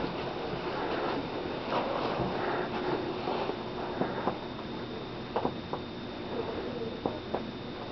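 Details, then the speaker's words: Several soft, short hollow taps from percussing the back during a COPD respiratory assessment: a resonant note, the desired hollow sound over air-filled lung. "you want to hear the Hollow sound which is good you want to hear that Hollow sound"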